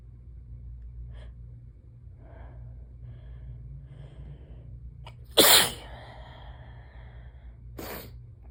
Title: Sudden sneezing fit - started out slow but picked up!